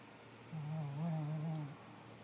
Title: snoring